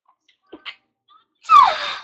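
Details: Sneezing, one of eight sneezes in a row: a few faint catches of breath, then one sharp, hissing burst that fades quickly, a single small sneeze.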